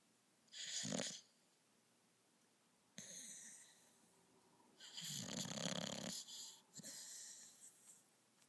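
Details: Snoring during sleep: three loud, rough, rattling breaths with quiet pauses between them.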